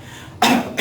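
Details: On request during a cardiovascular chest exam, a patient coughs once, deliberately, so the examiner can listen again; hypostatic crackles may clear, heart-failure crackles persist: voluntary cough.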